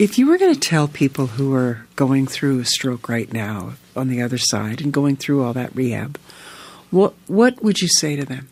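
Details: Adult male speaker; normal speech.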